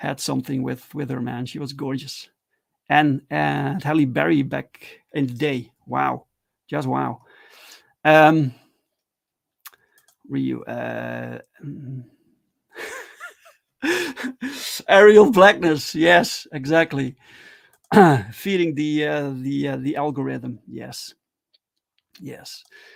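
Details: Adult male with stuttering, speaking live in a solo stream; stuttering.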